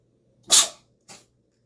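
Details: Dog sneezing: a sharp, hissing nasal burst followed by a softer second puff.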